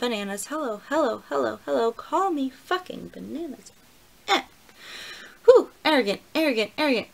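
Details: Woman with Tourette syndrome whose vocal tics, repeated words like "bananas", "hello" and "mangoes", interrupt her talk; she says tics are worse that day and when cold, with copropraxia newly added; vocal tics.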